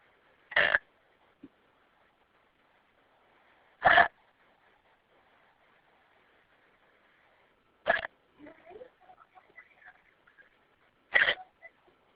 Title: Hiccups(audio only)